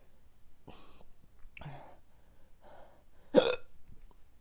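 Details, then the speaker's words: Four abrupt hiccups about a second apart, the last loudest, with faint room noise, after consuming something extremely hot (said to be 9 million Scoville units); hiccups. "all right when I stop hiccuping I'm meeting those two ghost peppers [ __ ] some more annoyance than anything"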